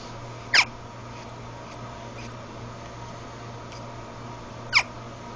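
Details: Two short, sharp high squeaks about four seconds apart over steady room hum: hiccups from Lily.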